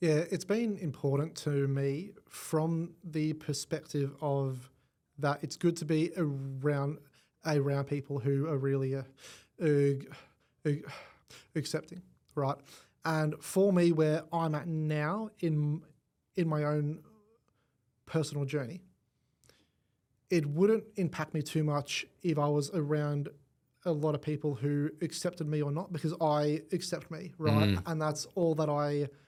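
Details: Adult male with cerebral palsy affecting the left side of his body; stutter described as a symptom of it, first noticed around age five, gone for about a year then returned worse, treated with the McGuire Programme; stuttering.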